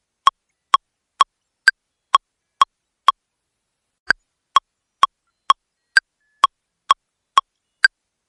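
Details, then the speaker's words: Simulated AED training after a delivered shock: sharp, evenly spaced metronome clicks at about 128 a minute with one brief gap, pacing five cycles of CPR chest compressions. "It's now safe to touch the patient. Begin five cycles of CPR now."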